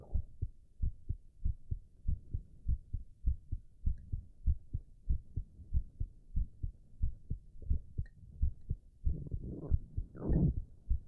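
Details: Male heart recorded while drinking tea, with loud stomach growls: a steady low thumping heartbeat around 95 a minute, with gurgling swallows near the end; normal heart sounds.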